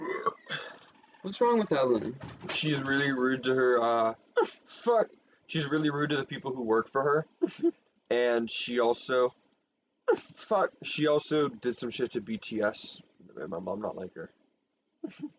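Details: Tourette syndrome in a person, which they attribute to a recessive allele inherited from both parents. Vocal tics with coprolalia began in fifth grade and worsened in eighth grade and freshman year. Here involuntary vocalizations and obscene words interrupt ordinary speech.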